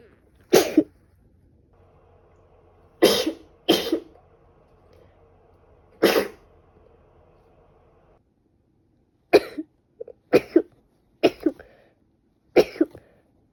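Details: Female adult with a bad cold: about ten short, explosive sneezes, some in quick pairs, with a faint background hum; sneezing.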